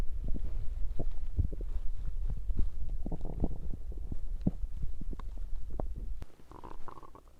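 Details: Stomach growling (borborygmi) from digestion rather than hunger: continuous low gurgling and bubbling rumbles from the belly, ending in a brief higher squeak.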